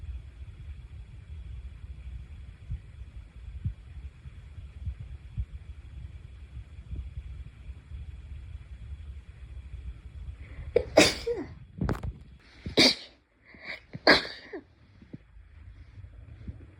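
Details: Low rumbling background, then a quick run of about four sharp sneezes in succession; ordinary sneezing.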